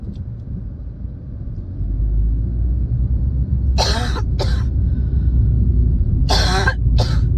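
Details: Person with a spring cold, recorded while driving: two bursts of coughing, each two harsh coughs in quick succession, over steady low road rumble inside the car; a coughing fit.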